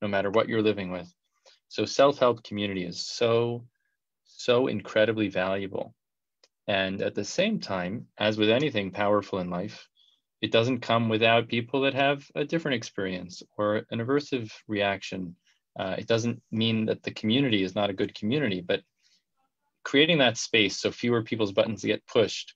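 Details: Adult male speaker; ordinary speech.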